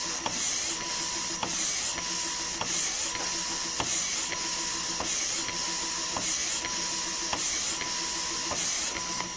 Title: Breast Pump Sound Effects | Copyright/Royalty free Sound Effect for Editing